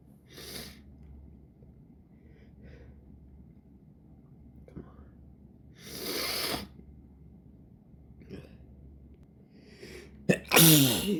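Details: Sniffs and hissing breaths build up with false starts, then a sharp, forceful sneeze at the end, from an irritated nose; ordinary sneezing.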